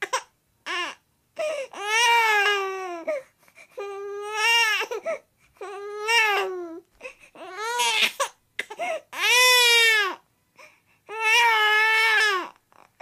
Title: Baby Whining Sound Effect